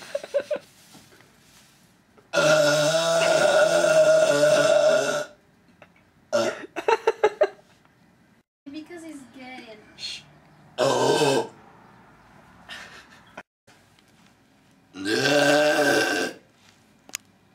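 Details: Random burps: several loud, drawn-out voiced burps, about three, with short sounds and brief noises between them.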